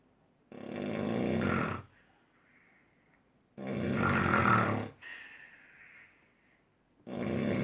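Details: Loud, rough rattling snores on each breath in, about 20 a minute, with quiet breaths out between them; snoring at its height.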